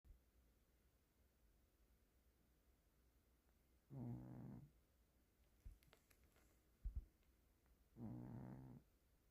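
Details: Sleeping cat snoring loudly: two low, rattling snore bursts about four seconds apart over quiet room noise.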